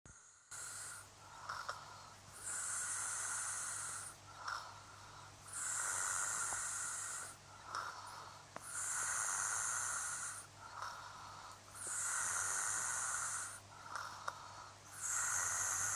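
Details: Sleeping adult fiancé, regular hissing, whistling snoring breaths about every three to four seconds, steady room hum: snoring.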